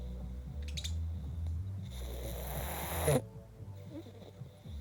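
Low rumbling snore with a rough noisy breath sound, music playing in the background; loud snoring during sleep.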